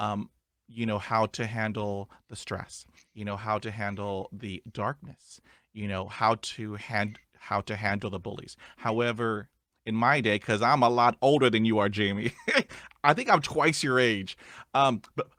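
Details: Adult male who stutters; stuttering.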